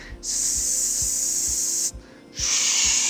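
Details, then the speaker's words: Imitation of hissing tinnitus: a steady high hiss, like rain, broken once by a brief pause; demonstrates one type of tinnitus, a sound perceived without any external source. "Jadi itu ee istilah keluhan yang disampaikan oleh pasien. Entah bisa berdenging, ada berdengung, ada berdenyut suaranya."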